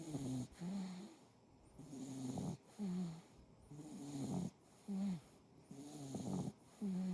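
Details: Loud, rhythmic snoring from a tortoiseshell cat in deep sleep, with low, buzzing, slightly tonal snores on each breath and quieter pauses between them: cat snoring.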